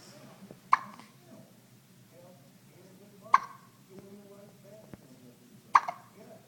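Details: A 1-week-old baby hiccups three times, with sharp, sudden gulping clicks about two and a half seconds apart over quiet room sound.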